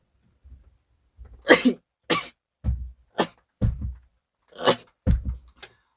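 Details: Run of several short explosive sneezes in quick succession, each preceded by a brief intake, from a K-pop singer (TXT) on a livestream; described as allergy sneezing.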